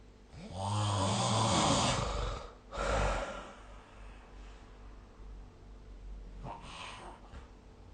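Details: Snoring during sleep, recorded with the SnoreLab phone app: a loud, rough, vibrating snore on the in-breath, then a snorting breath and quieter breathing.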